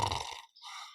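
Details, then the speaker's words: Imitated sleeper's snoring breath, deliberately made louder during a guided meditation on natural breathing: exhalation, a long pause, then the breath resumes and exhales again with another long pause. "un dormeur respire un petit peu de cette manière je le fais plus fort que vous entendiez fais une longue pause puis reprend son souffle il expire à nouveau une longue pause"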